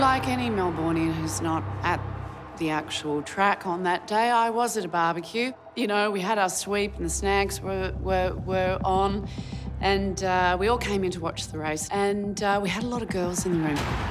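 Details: Adult woman speaking; normal speech.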